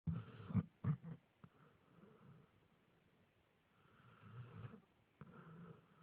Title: My Dog snoring like a man